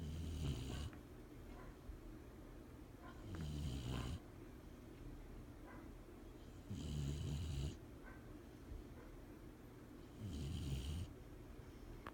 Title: My dog snores!!